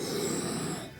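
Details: 29-year-old woman with a narrowed, child-sized windpipe and a tracheostoma covered by a plaster, using nasal oxygen: a single harsh, rasping breath with low coarse roughness, fading at the end: stridor.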